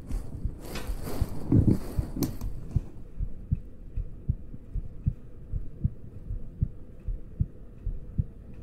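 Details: Steady low heart thumps at about 77 beats a minute, after brief rustling at the start, used as an ASMR trigger sound alongside ear picking and ear touching; regular heartbeat.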